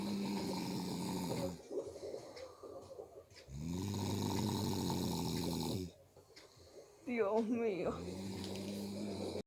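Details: Adult man (father) snoring: loud, rumbling, buzzy snores on each inspiration, about 16 a minute, with quiet expirations between and a brief giggle nearby.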